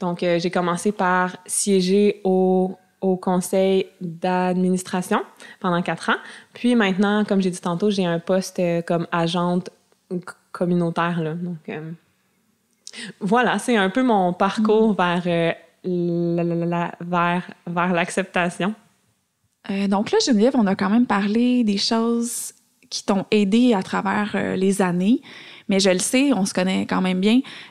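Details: Stuttering in an adult woman diagnosed at age 7, with a family history of persistent stuttering; she masked her stutter until about age 21.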